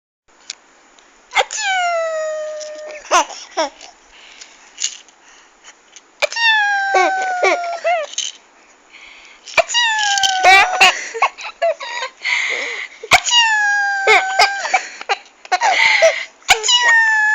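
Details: 6.5-month-old baby makes a playful voluntary fake sneeze: repeated sharp, sneeze-like bursts followed by squealing vocal glides.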